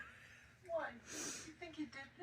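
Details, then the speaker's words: Person with painful hiccups that they liken to a chicken or peacock: a squeaky voiced catch, then a snorting, honking burst; loud, unusual-sounding hiccups. "think I got a chicken or peacock or whatever makes this sound. A uh ridge. I promise you I'm not I'm not trying to do this. It just happens. Because I have the most annoying hiccups ever."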